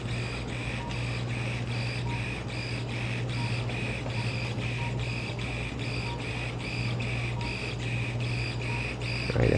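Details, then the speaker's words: Arthroscopic shaver in a man's right shoulder during arthroscopy, trimming a loose posterosuperior flap of frayed tissue that may be catching: steady low motor hum with rhythmic pulsing whir. "pulling section through the shaver that pulls the tissue and there's a little blade of this in this to shave it off so it's like the sobe hair cutter"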